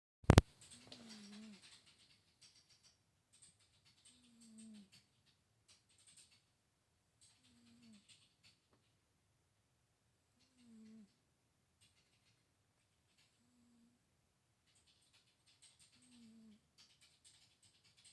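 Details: Soft, regular snoring from a sleeping pet cat behind the recorder, with short nasal snorts roughly every three seconds.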